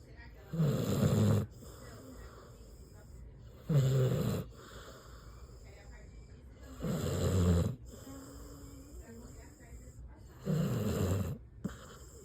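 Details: Sleeping dog snoring loudly: four loud, rumbling snores about three seconds apart, roughly 19 breaths a minute, with quiet between them.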